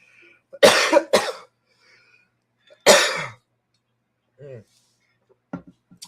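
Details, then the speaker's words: Three harsh, dry coughs, two in quick succession then one after a pause, from an adult woman with a sinus infection, dry throat and hoarse voice. "As you can probably hear from my voice, I got a sinus infection. My voice, my throat's all dry. I'm having a hard time down here."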